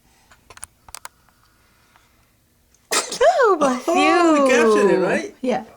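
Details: Adult sneezing: a few faint clicks, then one loud, drawn-out, voiced sneeze.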